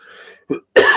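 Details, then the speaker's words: Two short, harsh cough bursts after a brief throat sound, part of a coughing fit during a livestream, from someone who says their ongoing cough is a little better; cough. "I should have to have a coughing fit right at the start, don't I?"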